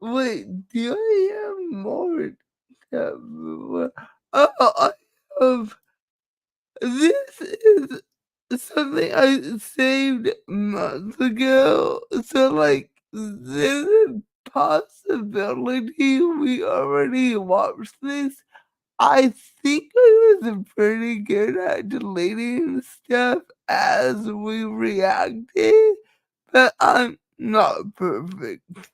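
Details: Woman with cerebral palsy, which she states is the cause of her speech and cannot be changed; dysarthria (cerebral palsy).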